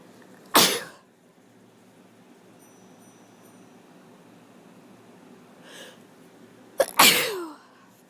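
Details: Person with a cold sneezing: two sharp, explosive sneezes several seconds apart, the second with a brief catch just before it.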